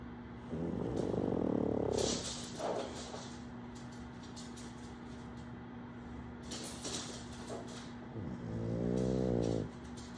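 Two drawn-out snorting snores from a small flat-faced dog, the second more tonal and wheezy, with light play noises between them.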